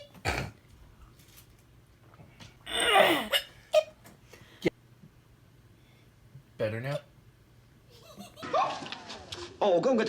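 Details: Woman with hiccups: three sharp, abrupt hiccups with a sudden catch of breath, between bursts of laughter and talk in a small room.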